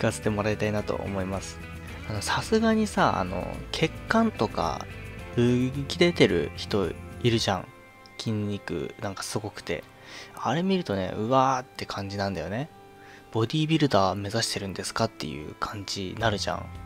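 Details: Adult male with stuttering (吃音症) speaking spontaneously, with a sound repetition; finding: stuttering.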